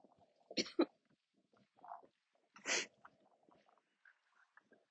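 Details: Adult coughing during an outdoor walk, near the end of the walk: two quiet, harsh cough bursts with faint outdoor sounds between them; part of a coughing attack.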